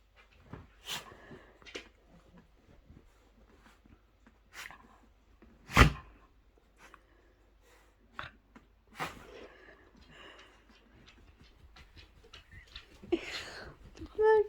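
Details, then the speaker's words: Small male dog with a run of sneezes, about ten together, in a quiet room: several short, sharp nasal bursts, one much louder than the rest. "you did like 10 sneez you just tell the Snee in [Music] the you just like tell Snee all together 10 sneezies all together that was good do you need to sneeze again"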